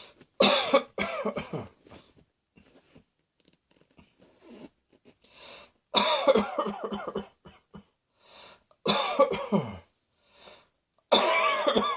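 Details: Four bouts of harsh, loud coughing, each a quick run of several bursts, with quieter breathing and small sounds between bouts.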